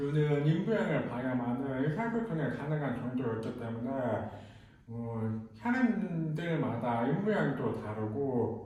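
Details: Speech of a hard-of-hearing man who wears a hearing aid in the left ear and a cochlear implant in the right ear; the cause of his hearing loss is unknown. Speech of a person with hearing loss.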